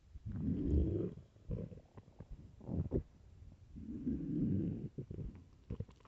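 Two long, low, rolling gurgles with short pops and squelches between them: loud stomach growling, or borborygmi, from an empty stomach.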